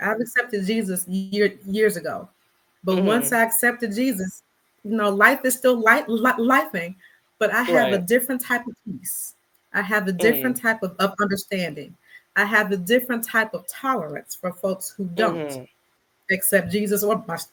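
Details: Stuttering in an adult Black woman who describes herself as a person who stutters; conversational interview speech with word repetitions.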